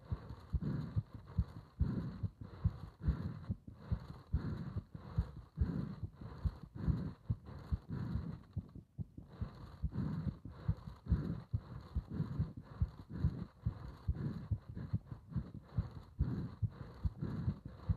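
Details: Heartbeat during bag breathing: steady, regular, dull, muffled low thumps over some low background rumbling.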